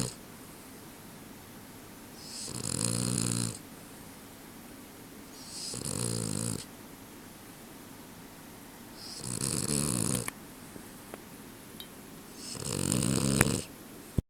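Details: A sleeping dog snores in slow, regular rumbling breaths, about 16 a minute, ending with a sudden twitch and a short click; snoring.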